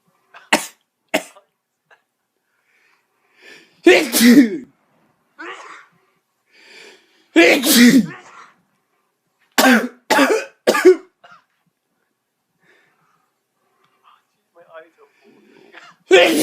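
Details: Dog sneezing: a run of about seven sharp, explosive nasal bursts separated by quiet gaps.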